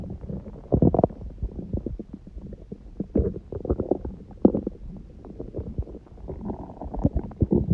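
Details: Stomach growling recorded at 1:30 am after waking, six hours after eating too much udon at 19:30, the first gluten in a while: irregular gurgles, squeaks and bubbling rumbles; ordinary borborygmi.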